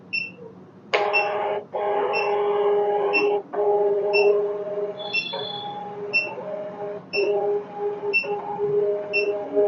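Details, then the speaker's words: Uniwer UMS 7E3 3-channel ECG machine printing after the print button is pressed; steady heart-rate beeps about once a second, roughly 60 a minute, over the whirring printer hum; simulated input. "നമ്മൾ print button press ചെയ്തു കഴിഞ്ഞാൽ machine print out വരും."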